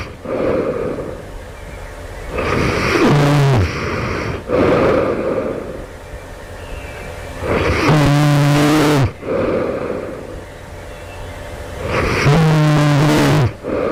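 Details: Loud, harsh snores with snorting, some ending in a deep groan, about 4 to 5 breaths a minute, recorded just before waking; the snorer wonders if this is sleep apnea; heavy snoring.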